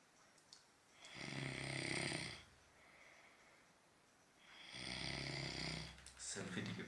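Two loud, drawn-out, harsh snores with a quieter breath between them in a small room; heavy snoring.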